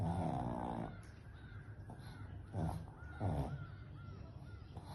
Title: Pug Puppy Hiccups while sleeping